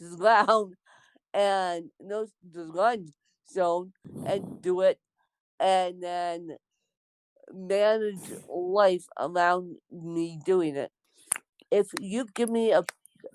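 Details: Dysarthric speech in an adult woman born with cerebral palsy (lifelong, congenital).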